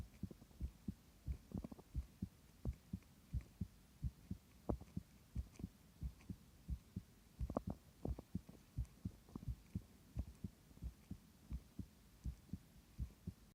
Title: 弱々しい？心音 my weak heartbeat sound